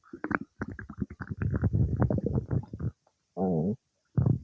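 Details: Low gurgling and rumbling stomach noises in bursts with a longer tonal growl, some time after eating cake; ordinary digestive bowel sounds.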